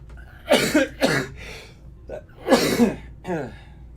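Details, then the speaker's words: Three loose, wet coughs in two clusters, close to the microphone in a quiet room, from a streamer recovering from COVID who has long had lung issues. "i'm recovering from the covets so you will hear me cough throughout the night in jeremy's face"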